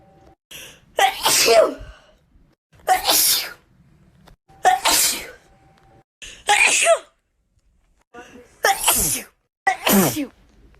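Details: Six separate sneezes, each a sharp inhaled catch then a loud, wet, explosive burst; wet sneezes.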